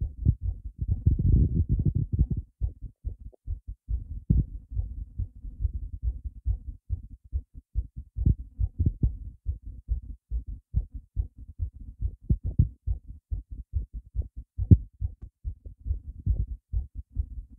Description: Just my heart race after I was surprised a lot